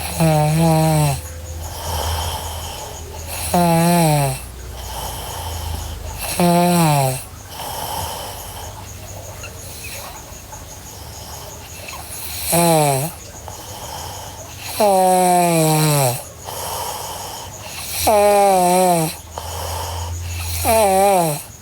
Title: Sleeping Girl Snoring (NGR) Part 1